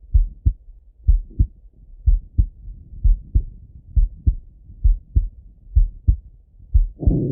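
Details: Male heartbeat auscultated with a stethoscope, recorded either sitting at a desk or lying in bed: regular two-part lub-dub at about 65 beats a minute, brief rustle at the end; normal heart sounds.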